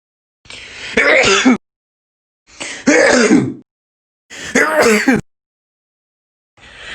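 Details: Three short, harsh, throaty bursts a couple of seconds apart during a sneezing episode, like repeated throat clearing or snorting.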